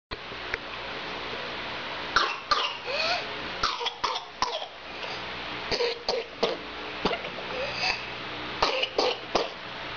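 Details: Whooping cough (pertussis) in a child: rapid bursts of short coughs with high, rising indrawn whoops between them.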